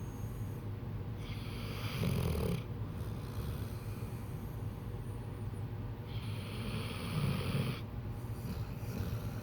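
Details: Snoring: low rumbling snores on each breath, two cycles about five seconds apart, over steady room noise.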